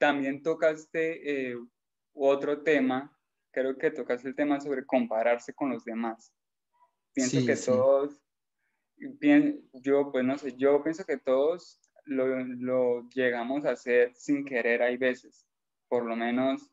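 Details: Male Spanish-speaking audience participant who stutters, with stuttering once severe enough that he could not talk with his parents; stuttering.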